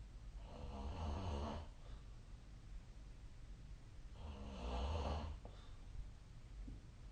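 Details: Sleeping person snoring: two low, rumbling snores on slow breaths in, about four seconds apart, with faint background hiss.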